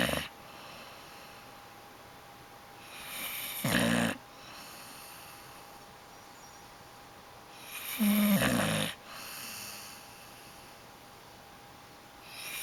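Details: Loud, harsh snores on each breath from a sleeping adult woman, about 13 breaths a minute, over steady room hiss.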